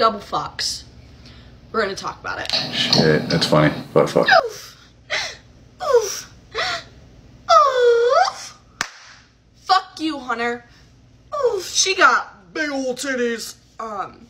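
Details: Involuntary vocal tics interrupting speech in severe Tourette syndrome.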